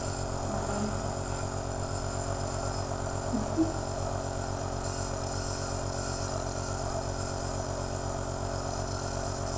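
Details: Omron C28 compressor nebulizer running while a child inhales medication through a mask: steady mechanical buzzing hum with fast low pulsing of the motor, and a brief faint squeak partway through.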